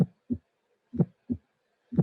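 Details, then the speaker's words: Step-by-step reconstruction of bicuspid aortic stenosis: first and second heart sounds, then an ejection click added, then the systolic ejection murmur, finally all together. "you will listen uh first and second sound then you will listen the click and then you will listen the murmur at the very end you will listen everything"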